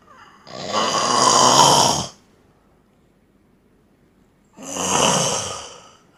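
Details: A sleeping man snores heavily, reportedly louder than a phone alarm: two long, loud, rattling snores separated by a quiet pause.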